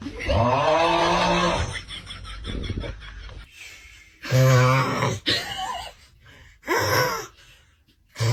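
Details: Loud, rough, groaning snores from a sleeping adult man, the baby's father, broken by snorts and a throat-clear, in a small room.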